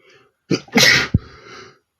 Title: sneezing male #8 (big and small sneezes)